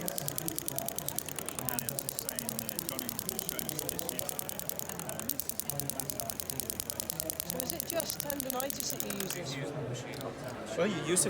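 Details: Storz shockwave device's vibration treatment head on an adult woman with chronic golfer's elbow (medial epicondylitis): fast steady buzzing pulses, quiet room noise and brief background voices.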